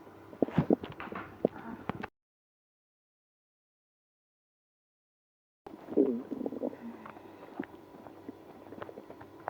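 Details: Stomach growling in a person with irritable bowel syndrome after drinking milk and prune juice. Bubbling, gurgling rumbles with a silent gap midway: active bowel sounds.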